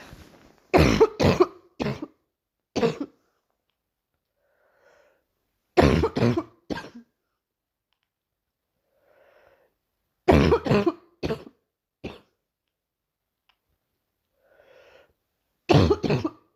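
Four bouts of three to five hacking coughs, with quiet breaths between bouts. Recurring morning coughing fits.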